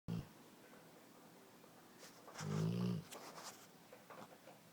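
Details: Dogue dog snoring: a single low, rattling, buzzing breath lasting about half a second against a quiet background; snoring.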